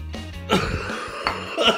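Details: A few short, harsh throat-clearing coughs from an adult man who is sick, with music underneath; cough.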